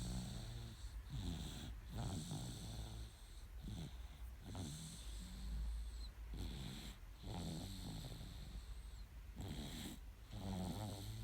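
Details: Snoring in a sleeping 9-month-old baby boy: soft, low snores repeating with each breath over steady room noise; ordinary light snoring.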